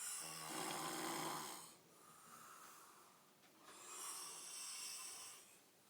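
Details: Adult man snoring heavily after a few drinks: loud rattling snores on each breath in, separated by quieter breathing out.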